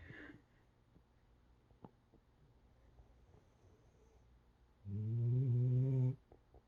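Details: Female sporting retriever dog in deep sleep after a full weekend of running and training: a quiet room, then one low, buzzing snore; harmless snoring.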